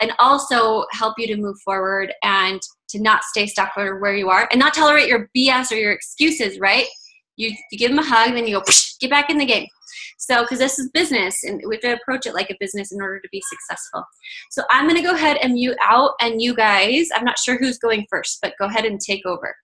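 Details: Adult woman speaking; Normal speech.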